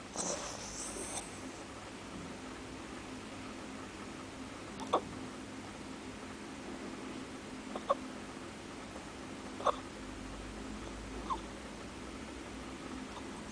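Brief, faint, sharp hiccup-like clicks repeat at irregular intervals, about four in thirteen seconds, over steady room noise. Hiccups.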